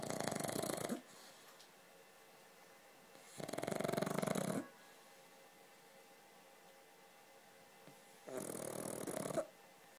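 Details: Loud rattling snores about a second each with quiet pauses between, from a sleeping pug; snoring.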